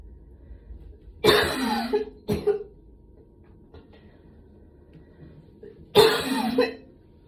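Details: Three harsh coughs after a gym workout, two close together then a third after a pause, in a quiet room; post-exercise cough.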